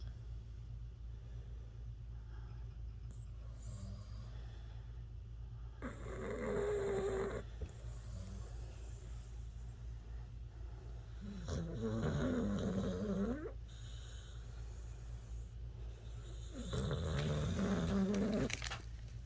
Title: Funny dog snoring